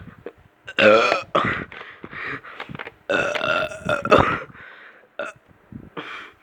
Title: me burping (funny)